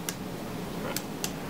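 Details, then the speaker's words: Abdominal percussion on an adult after bowel-sound auscultation: three brief, hollow finger taps giving a tympanic note, like a watermelon, over air-filled bowel. "So the sound for percussion over the abdomen is going to be a tympany. So it's going to be a hollow sound, almost like you're hearing it over like a watermelon."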